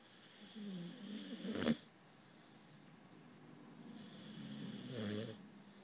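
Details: Sleeping pharaoh hound puppy snoring: two slow, rough snoring breaths with a brief snort; ordinary snoring.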